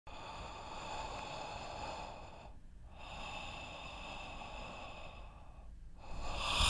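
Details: Simulated snoring with obstructive sleep apnoea from an animation about combined mandibular advancement splint and CPAP therapy: rough, noisy breathing with two short silent gaps imitating airway blockages.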